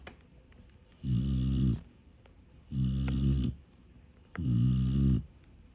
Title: She was snoring so loudly! I didn’t mean to wake her lol